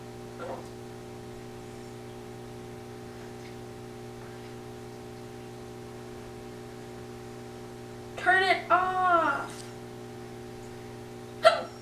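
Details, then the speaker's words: Two abrupt, sharp vocal clicks about eleven seconds apart with a brief voiced sound between, described as loud and annoying; hiccups. "so yeah there's my ha cups they very loud and annoying but yeah so thanks for watching"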